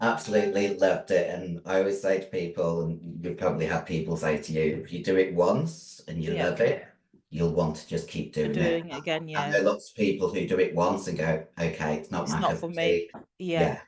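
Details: Female bodybuilder with androgen-induced voice deepening (virilization) after taking large doses of male steroids (performance-enhancing drugs). Her voice was formerly high-pitched and is now very deep, and she can no longer sing.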